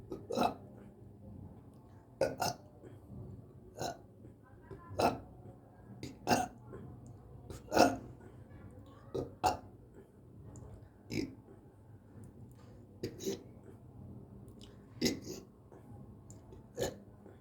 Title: bloated, burping